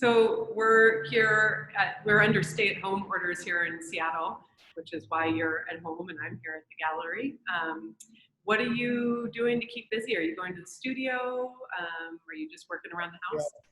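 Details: Adult speaker; ordinary speech.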